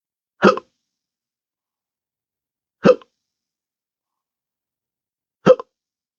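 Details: Adult with intractable hiccups since December 2015 after surgery with nerve damage (pudendal nerve injection, phrenic and vagus nerves affected): three abrupt, sharp hiccups a few seconds apart with silence between; hiccups.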